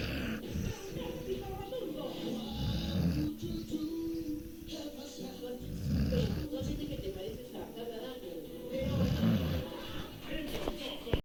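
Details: Snoring: low rumbling snores recurring every few seconds, with background noise and faint music.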